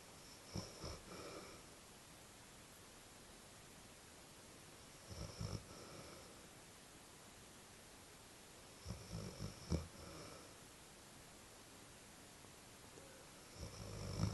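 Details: Snoring: soft, snuffling snores about every four seconds, with small snorts, in a quiet room.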